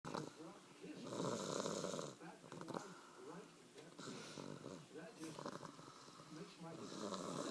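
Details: One-year-old baby snoring on Christmas night: rough, rumbling snores with fluttering rattles, with voices and household noise in the background.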